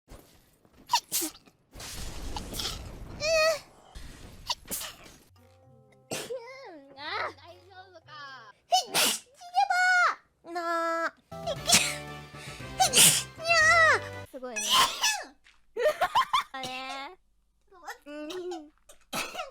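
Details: Compilation of sneezes from different female vtubers (Hololive), some high and squeaky, cut together with short bits of talk and music.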